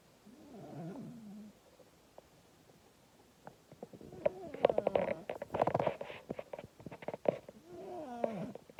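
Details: Female cat asleep, snoring loudly enough to wake her owner: rhythmic rough, rattling sounds on each breath that grow louder partway through.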